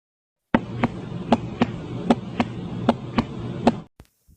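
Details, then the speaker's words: Regular paired lub-dub heart sounds at about 77 beats a minute: normal S1 and S2. "सबसे पहला हट sound normal hotspot जो होता है वह एस वन और S2 होता है इसको सुनते हैं"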